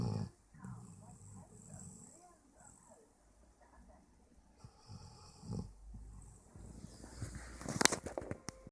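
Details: Sleeping dog snoring with mouth open: soft, rough, rattling breaths with snorts and rustling, then a louder noise near the end.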